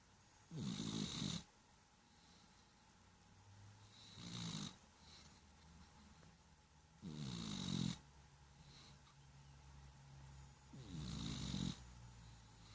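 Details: Small cat, about 7 lbs, with cerebellar hypoplasia and asthma, snoring while asleep: four rough, rattling snores on the in-breath, roughly every three to four seconds, with quiet breathing between.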